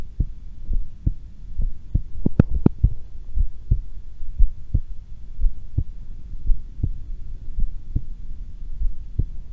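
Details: Normal heart sounds of a calm, unexcited person holding the breath (held twice): regular soft low thumps, about 105 a minute, with steady background hum.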